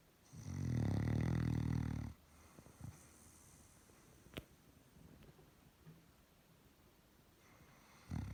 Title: Relaxing snoring Doberman dog